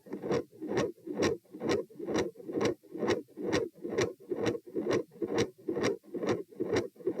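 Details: Stethoscope probe moved through aortic, pulmonary, Erb's, tricuspid, mitral, then aortic areas: steady rapid heart sounds, whooshing murmur filling gaps; continuous murmur focused at aortic area, click near S2 only there; sound drops on sitting (possible PFO, uncertain).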